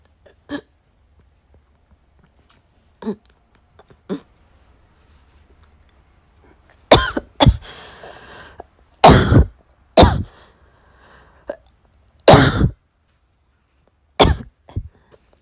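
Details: Scattered single coughs build into a run of loud, harsh, repeated coughs with brief gasps between: an uncontrollable coughing fit in a hospital waiting room after trying hard to suppress it, possibly cough-variant asthma; a nurse then brought water.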